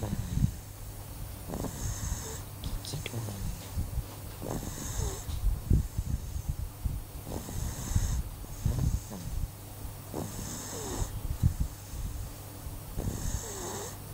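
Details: Soft, regular snoring breaths about every three seconds, with faint whistly noises over a low room hum.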